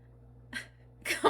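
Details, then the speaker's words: Cat sneezing: two quick, sharp, hissing little sneezes half a second apart over faint room hum, during a live stream; several sneezes in a row. "Bless you. Did you guys hear that? That was so many sneezes."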